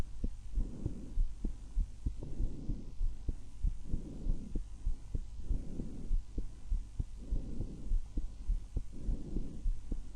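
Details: An adult's own chest heard through a stethoscope at one of six sites: regular heartbeats at about 100 a minute over soft, rhythmic breath sounds with slow inhale-exhale cycles; normal heart and breath sounds.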